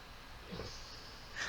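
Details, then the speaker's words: Puppy with nasal problems making faint, noisy snorting breaths in the background of a quiet room; snoring/snorting breathing. "Now, if you can hear a strange snoring noise in the background,"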